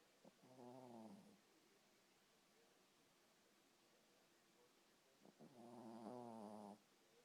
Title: My little dog snoring